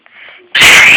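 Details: Everrett sneezing during feeding.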